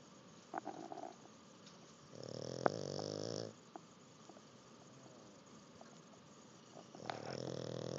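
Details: Sleeping pug after learning to swim: two buzzing, nasal snores with a quiet pause and faint snuffles between; snoring.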